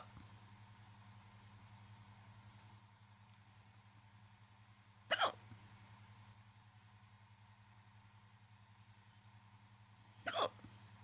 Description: I ate and got hiccups afterwards